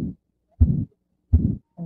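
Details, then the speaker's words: Female patient with crackles, atrial fibrillation and LVH: harsh crescendo-decrescendo systolic murmur obscuring S2; aortic stenosis, echo showing a calcified aortic valve with valve area 0.6. "so this is another systolic former unlike the prior one um where it was kind of whole system at the same intensity all throughout in this particular case hopefully you can hear that it kind of has um a crespendo de crescendo character and there's obscuration of the s2"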